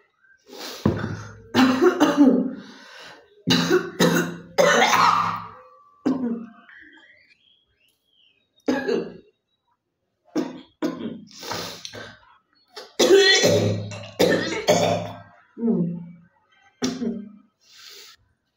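Repeated wet, forceful coughs in bursts with pauses and throat clearing in a quiet room; productive-sounding cough.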